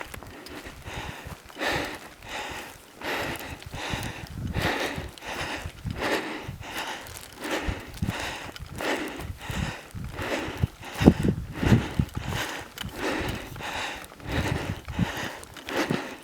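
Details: Loud, deep, rapid breaths about 20 a minute with footsteps, while completing the final steps to the 13,078 ft (3,986 m) summit of Whale Peak, Colorado; heavy breathing on exertion at altitude.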